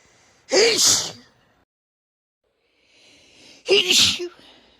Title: short medley of sneezes and blows